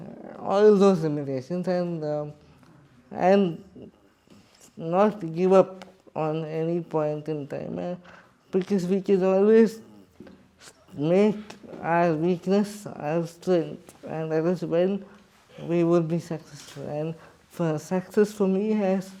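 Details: Adult man with cerebral palsy speaking in his own voice; dysarthric speech (cerebral palsy).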